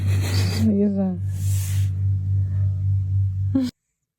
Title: Kucing ngorok